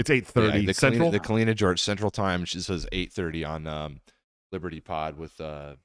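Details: Adult male speaker; typical speech.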